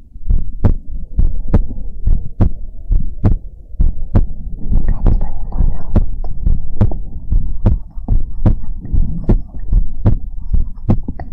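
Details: Steady, deep, thumping heartbeat at about 70 beats a minute with a low background hum, from an ASMR heartbeat recording; a normal heartbeat.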